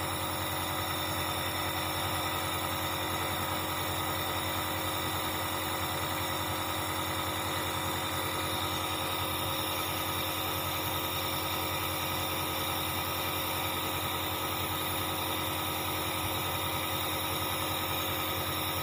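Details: Dr Trust compressor nebulizer in a review, its compressor warming during use; loud, continuous buzzing drone of the motor with a rapid steady rattle; compressor nebulizer running.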